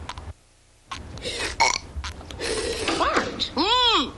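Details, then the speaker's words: Simulated cartoon burp from an animated Simpsons short about children's burping contest: a long, loud, gurgling belch amid voices, music and sound effects. "we're having a contest mom watch knock it off I do not allow burping in this house"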